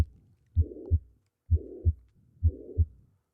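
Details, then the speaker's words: A recorded holosystolic murmur, a harsh sound that listeners suggest may be a ventricular septal defect, though this is uncertain. "what is that again is that a a defect yeah ventricular simple defect yeah yeah that's what that sounds like so I mean it sounds like your blood's barely getting through"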